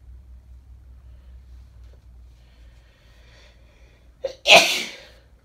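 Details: Woman with bad summer hay fever: a short indrawn breath, then one loud explosive sneeze in a quiet room.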